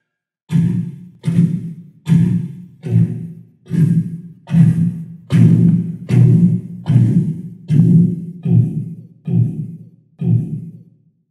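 Loud, regular, thumping beats at about 75 a minute, a vocal imitation of Korotkoff phase 3, when the tones are loudest.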